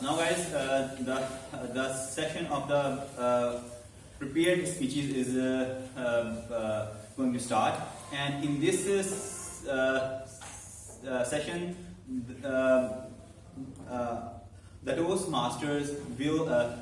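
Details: Adult man who stammers, in a stammering-focused speaking club for about eight to nine months and has learned to accept it; stuttering.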